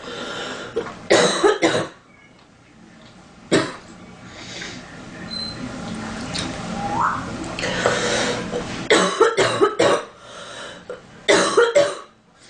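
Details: A girl with a stuffy, itchy nose in cold weather: several sharp cough bursts in small clusters, about eight in all, with quiet room noise between; a repeated cough.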